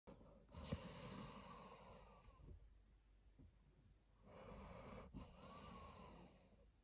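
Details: Snoring in a deeply sleeping Doberman: two long, rough, rumbling breaths with nasal snuffling, each followed by a quieter pause.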